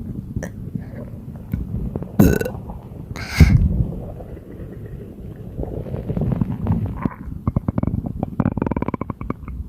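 Repeated low gurgling belches in quick succession, with rumbling gut sounds between them: frequent burping from a bloated stomach.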